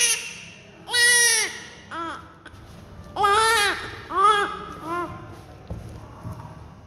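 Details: Newborn crying just after birth, during the cleaning process: four or five short, high-pitched cries in bursts, with faint room noise between them; a vigorous newborn cry.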